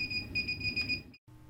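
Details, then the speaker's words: Steady high electronic alarm tone over low machine hum, cut off abruptly: the Nova flow monitor alarm silenced with the speaker button after its self-test during iLA membrane ventilator setup. "after turning the monitor on and completing the self-test use the knob to select the numeric option in the lower display menu suppress the alarm by activating the speaker button"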